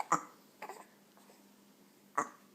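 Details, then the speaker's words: Baby boy with hiccups, possibly from a full tummy pressing on the diaphragm: three brief, sharp, spasm-like catches in a quiet room, irregularly spaced over about two seconds; infant hiccups. "I think the full tummy presses against this diaphragm and then mhm causes that kind of a stimulates"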